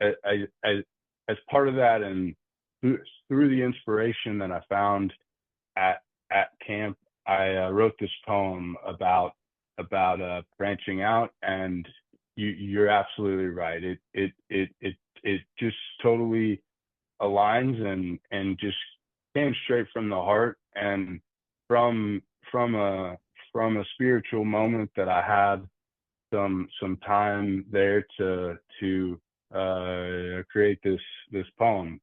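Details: Adult man who stutters, with frequent word and part-word repetitions and fillers; stuttering.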